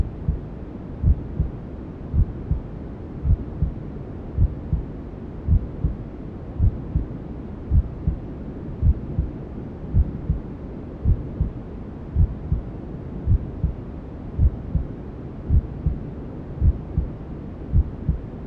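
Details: Newborn sleep-aid ASMR: steady, muffled mother's heartbeat, about 54 beats a minute, over constant low rushing white noise, mimicking sounds heard inside the womb; heartbeat with white noise.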